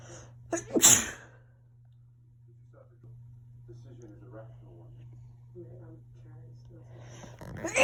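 One loud, explosive sneeze, then quiet breathing and soft sounds, and the start of another burst at the end.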